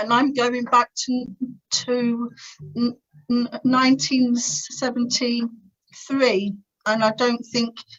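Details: Adult woman's stuttering (stammer) since about age three, described as uncontrollably bad, with teenage years when she could hardly put two words together; later attended the Starfish Project speech therapy course to gain control.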